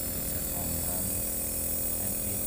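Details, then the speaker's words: Omron NE-C28 compressor nebulizer switched on after plugging into mains: steady loud mechanical buzz and hum of the running compressor. "sebelum menghidupkan kita hubungkan stopkontak kita ke listrik kemudian nanti kita hidupkan"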